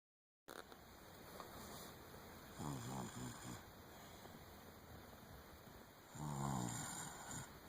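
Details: Sleeping person: two soft snores over steady room hiss, breathing about 17 times a minute; light snoring during sleep.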